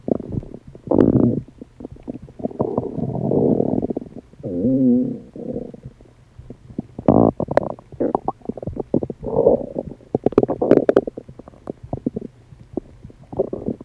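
Loud gurgling, rumbling and squeaky bubbling noises in irregular bursts: active bowel sounds from gas and fluid moving through the gut.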